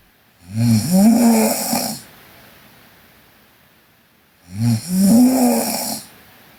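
Two loud, rattling, buzzy snores on the in-breath, separated by quiet exhalation; ordinary snoring during sleep.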